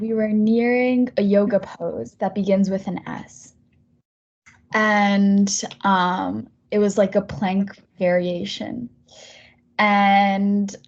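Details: Stuttering in a 23-year-old woman who has stuttered since age seven, on up to a third of her words, during a speech therapy session.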